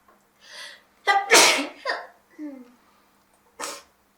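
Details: A quick breath in builds to one loud, voiced sneeze, followed by a softer vocal trail-off and a short sniff-like breath: a single sneeze.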